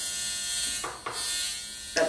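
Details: Steady high-pitched electrical buzz, with a few handling clicks, from a high-frequency acne skin wand with an argon gas electrode switched on in a small room, with gauze prepared for use over the face.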